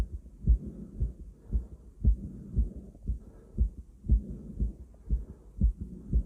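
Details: Self-auscultation through a stethoscope: regular, fairly fast heartbeat of about 118 beats a minute with soft breath noise underneath.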